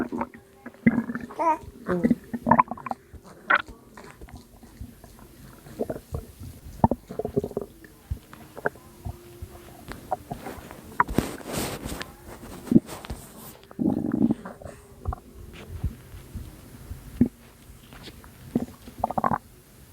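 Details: Abdominal gurgling from a postpartum mother's belly, recorded at 2 am; she links it to water weight: irregular low gurgles and bubbling squelches, like fluid and gas moving through the gut.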